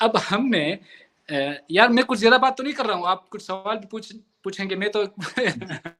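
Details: Adult man in Pakistan who stammers and has largely worked on his stammer, but still stutters at times; stuttering.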